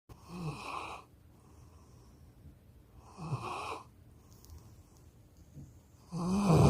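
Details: Puppy Cadbury snoring loudly while lying against owner on the couch: soft rough snorts with each breath, about every three seconds, ending in a louder snore; snoring.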